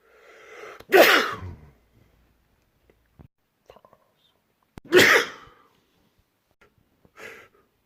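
Two loud, explosive sneezes, each after a short in-breath, and a softer third burst at the end; ordinary sneezing.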